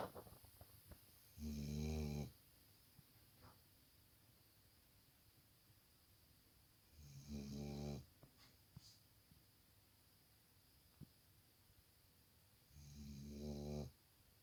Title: Cute Black Labrador sleeping & snoring